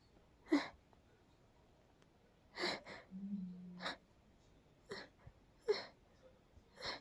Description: Tried to hold back these very tickly sneezes... I.. kinda managed to a certain extent?.. 😅 But they were just too much, and of course ended up in a teasing sneezing fit